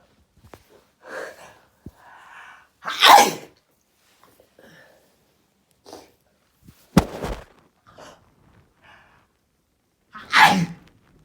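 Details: Several sharp, breathy sneezes from a cat, with soft sniffs and quiet pauses between them; a sudden sneezing episode.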